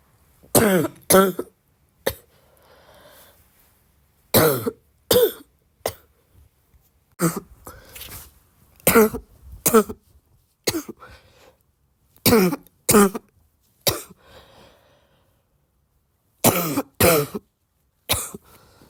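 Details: Repeated bouts of harsh coughing, about twenty coughs mostly in pairs, with a loose, rattly, mucus-laden quality; the person says their cough is getting wet; wet, productive cough.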